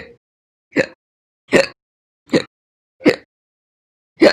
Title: 7/1/20 to 7/31/20, My Slow Hiccups